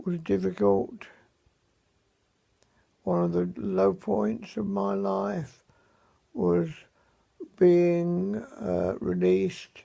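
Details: Severe dysarthria in a man after a stroke in early May, with very limited mobility; he says his voice is severely affected.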